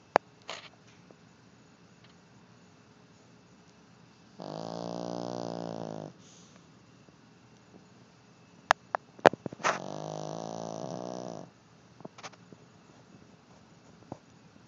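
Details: Two long, buzzing, rattling breaths about five seconds apart with quiet gaps between; snoring in a deeply sleeping male dog.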